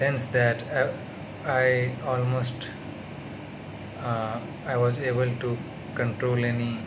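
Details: Stuttering in an adult man on day 38 of speech therapy.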